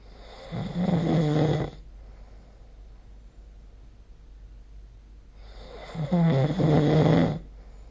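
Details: Two loud, throaty snores with a fluttering rattle separated by a few seconds of quiet breathing, recorded with a smartphone snoring app during sleep.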